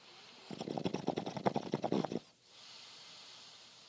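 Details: A male snoring with a vibrating airway, likened to someone taking hits from a bong: one long, rattling, fluttering snore lasting under two seconds, then stopping.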